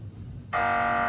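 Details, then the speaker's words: Loud, steady electronic buzzing of a magnetic resonance imaging (MRI) machine, which uses radio-wave pulses and a magnetic field to map the body part being scanned, e.g. the brain. "Así suena una máquina de resonancia magnética. A través de pulsos de onda de radio y de un campo magnético, la tecnología realiza un mapa de la parte del cuerpo que está siendo retratada."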